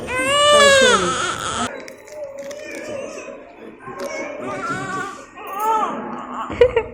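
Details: A newborn baby boy just after delivery, as he is brought out, gives a loud, tonal cry followed by softer whimpers, with adult voices in the background; a vigorous cry right after birth.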